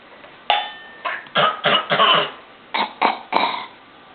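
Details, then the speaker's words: A baby, playing with a spoon, gives about eight short voiced cough-like bursts: a put-on pretend cough rather than a real one. "Hey! Is baby coughing? Is baby coughing? I think the baby's singing. Huh? Does baby have a cough?"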